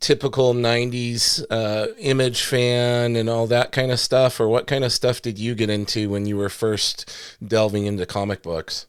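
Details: Adult male speaker; normal speech.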